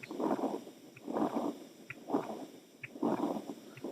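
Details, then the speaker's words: Heart auscultation at the heart base: harsh, continuous machinery-like murmur swelling and fading with each beat, about 65 a minute, never going quiet; continuous murmur suggesting patent ductus arteriosus. "a que les hace acordar este ruido escuchamos de vuelta lo que parece artificial dos sobres voluntarios soplo continuo situamos escuchamos más hacia la base del corazón"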